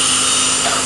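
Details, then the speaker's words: Deka CO2 dental laser at 4 W continuous (10,600 nm) used for periodontal disease treatment, sweeping the gingival sulcus to remove its lining and granulation tissue; loud steady hissing and whooshing rush of the laser running with suction. "what we're doing is we're taking the CO2 laser and we're doing a digital curage you just gently sweep it around the two and it just B basically takes out the lining of the gingle sulfus"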